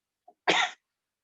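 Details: Cough from a male webinar speaker during his talk; he says he has had wheezing for several days.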